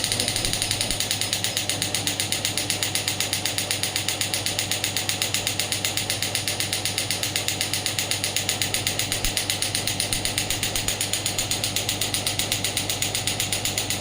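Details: Biotronix pneumatic radial shockwave therapy (ESWT) handpiece demonstrated: rapid, regular sharp mechanical clicks about 95 per minute as it fires pulses.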